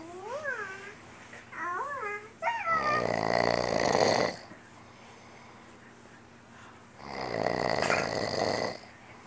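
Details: Man who had just insisted he does not snore, asleep; loud, rough snoring breaths with long pauses between them, preceded by brief chirping sounds.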